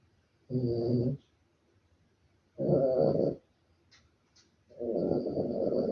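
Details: Maltese dog snoring in its sleep, full version: three rough, rattling snores about every two seconds with quiet gaps between them.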